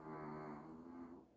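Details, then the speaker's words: Sleeping Pomeranian dog snoring: a single drawn-out, humming snore fading at the end, heard during late-night baking in a kitchen; snoring. "Y'all can hear but my Pomeranian is really having a good sleep. There he is snoring."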